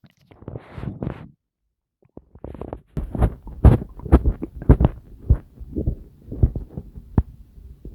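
Irregular low gurgles and rumbling squelches from the abdomen: ordinary active bowel sounds of stomach rumbling.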